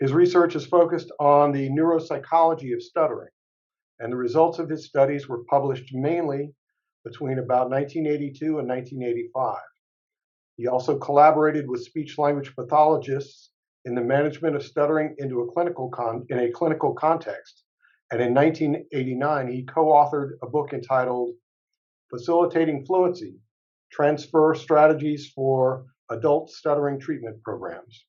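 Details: Adult male speaker, possibly synthesized narration; normal speech.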